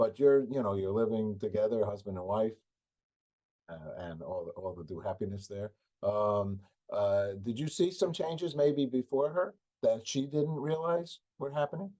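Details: Adult male speaker; normal speech.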